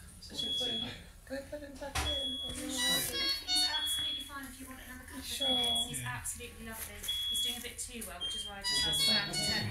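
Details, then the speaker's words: Delivery room, extremely preterm baby about 26 minutes postnatal being handed to mum for a cuddle: repeated high electronic beeps from the saturation monitor, with quiet voices and background music. "i'll apologize in advance for the beeps of the monitors it's something you only realize is going on in retrospect but if you can try and hear through the beeps the baby's about 26 minutes postnatal here and it's just being handed to mum"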